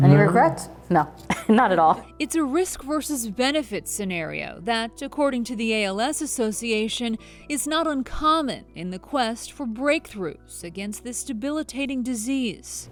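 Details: Adult female reporter; Typical speech.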